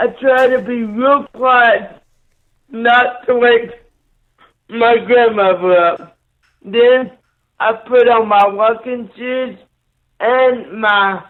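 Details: Dysarthria from cerebral palsy in a 27-year-old man born three months premature after a car crash, with a neonatal brain bleed and stroke, right-sided paralysis, blindness and seizures.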